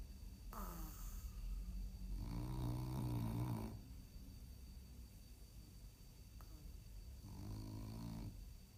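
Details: Snoring from a sleeping French Bulldog in deep slumber: slow deep breaths with two or three low rattling snores on the inward breaths, faint room noise behind.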